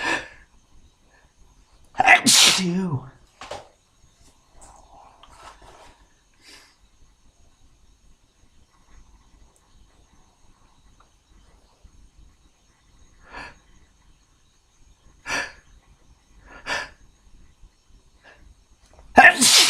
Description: Beer gave me a tickle :P